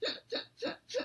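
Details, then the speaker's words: Person with Tourette syndrome makes a sniff along with a noise; sniffing vocal tic. "this one where I sniff and also make a noise sniffing is also counted as a vocal tick"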